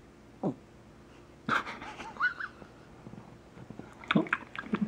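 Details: Irregular snorting, rattly snoring from Cheri, a sleeping elderly poodle, in a quiet room.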